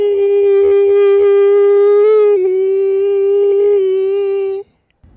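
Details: Unilateral superior laryngeal nerve paresis: raised subglottic pressure at the same pitch makes the looser cord vibrate at a separate pitch from the other, heard as roughness; diplophonia.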